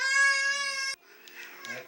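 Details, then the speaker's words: Young boy at a university hospital visit for nighttime nasal congestion, phlegm and a runny nose bursts into a loud, sustained wail as the doctor raises the stethoscope, then quieter sobbing and whimpers. "의사 가 청진기 를 들자마자 갑자기 울음 을 터뜨렸다 ."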